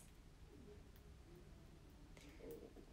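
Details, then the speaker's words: Soft, low gurgling rumble with brief cooing tones from a young woman's hungry stomach: stomach growling. "お腹鳴った。そう、トリプル食べてナータンを出したら滝脇です。嘘、聞こえた？はずみざわ。お腹鳴る音が聞こえ。"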